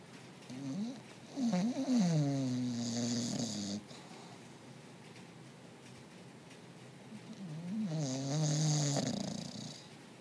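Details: A pet snoring while resting in the afternoon: two long, rattling snores separated by a quiet pause.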